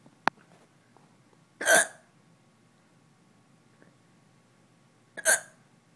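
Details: Two abrupt, short hiccups about three and a half seconds apart in a quiet room; hiccups.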